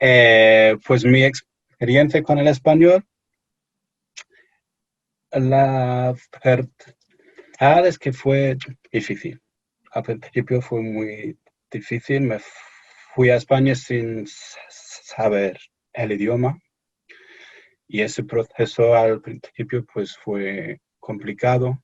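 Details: Stuttering in an adult male from England speaking Spanish as a second language in an interview; he says he is a little nervous, which may affect his speech.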